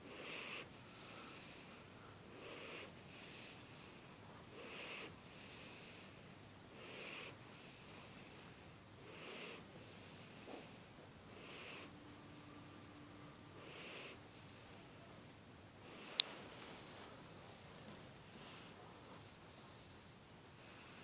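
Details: Sleeping cat: soft, regular, breathy snoring sounds about every two and a half seconds, around 24 a minute, in a quiet room: snoring.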